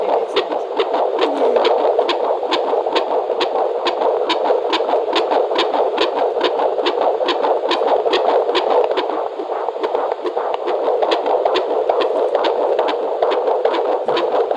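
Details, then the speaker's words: Fetus at 32 weeks of pregnancy on Doppler at a doctor's visit: rapid, regular galloping thumps over a Doppler whoosh, a strong heartbeat in the 120s to 140s bpm, normal. "120s to 140s. Okay. A good strong heartbeat. The old wise would say 130s."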